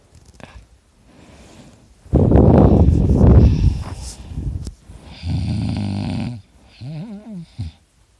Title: Me snoring ( I sound like a chainsaw!)